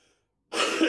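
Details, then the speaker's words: Cough from a man nearly 53 who is unwell and sniffling, recorded in his garage gym instead of a planned workout. "as I say, this was going to be a workout video, but as you can hear, I am coughing. I'm sniffling."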